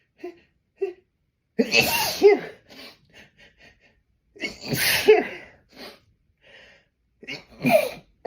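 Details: Repeated held-back sneezes, nose pinched to stifle them until the subject felt dizzy: short catching breaths, then two forceful explosive sneezes and a smaller third, with stifled holdbacks between; sneeze.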